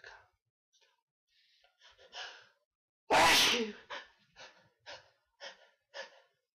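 Several short catching in-breaths build up, then one loud sneeze, followed by quieter breaths; a normal sneeze with pre-sneeze hitching.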